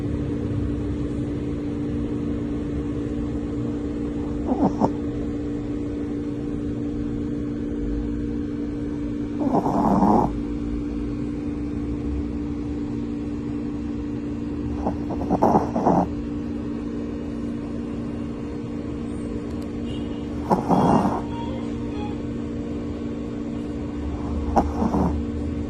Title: SHIH TZU SOUNDS OF SNORING DEEP SLEEP